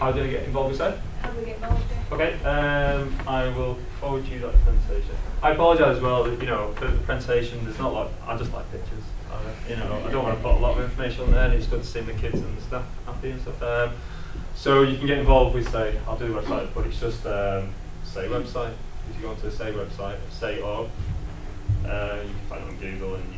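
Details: Adult man who lives with a stammer; stuttering.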